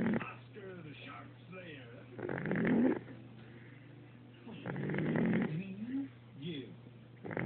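Soft, rough snoring sounds on breaths roughly every two to three seconds, with faint squeaky voiced noises in between.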